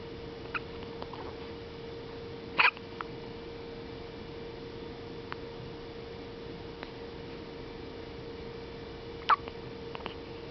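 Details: Hiccups in a 1-week-5-day-old infant: two sharp, brief hiccup sounds about seven seconds apart over a steady background hum.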